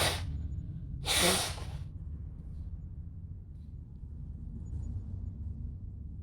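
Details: Simulated scenario of a woman sneezing from allergies in a cinema: embarrassed sneezes she tries to muffle, which still come out loud in a repeated sneezing attack.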